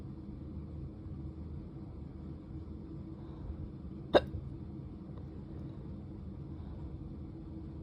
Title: drunk hiccups